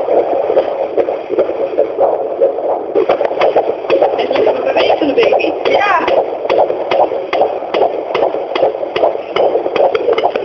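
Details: Fetal heartbeat at 18 weeks 3 days of a first pregnancy on Doppler: rapid rhythmic whooshing pulses about 146 a minute over steady hiss.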